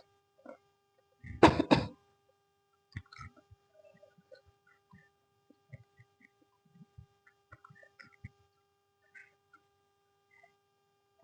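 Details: Sharp double cough burst, then quiet eating and small mouth sounds indoors, while breaking the fast with fried snacks (bakwan, risoles, chili); cough.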